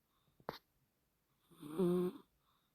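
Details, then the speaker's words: Male cat about 10 years old, resting next to owner's head, who says he recently started snoring a lot all night: a click, then one drawn-out, slightly whistling snore-like breath. "So, guys, I'm just going to let you listen to my cat who snores all night long next to my head."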